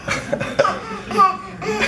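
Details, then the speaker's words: A young child gives several short, voiced, harsh coughing bursts in quick succession; a bad cough. "oh my goodness do you have a bad cough that's a terrible cough oh"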